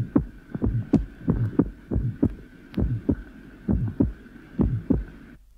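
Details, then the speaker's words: 5-year-old child at lower sternal edge, breathing with sinus arrhythmia: clearly split first heart sound, short soft innocent systolic murmur and normally split second heart sound. "here is an example of a clearly split first heart sound recorded at the lowest terum in a 5-year-old child the child is breathing and a sinus arhythmia is present you will hear the two components of the first sound"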